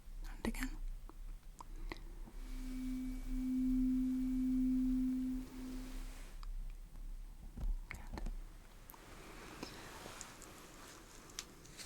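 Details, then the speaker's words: Roleplay audiology exam for ear pressure and partial hearing loss: steady low hum for a few seconds amid soft rustling, imitating the acoustic reflex probe tone; thresholds stated normal. "پس آماده ای؟ من قصد دارم این را در گوشه و کنار اینجا قرار دهم. باشه. بنابراین شما یک لحن را خواهید شنید."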